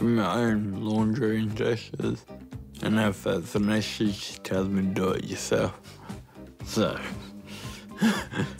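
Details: Ataxic dysarthria in a 29-year-old man with Friedreich's ataxia, a rare genetic degenerative disease. Clumsiness and unsteadiness began in his teens and he was diagnosed at 18. His speech has become slurred and worse over time, and he now uses a wheelchair.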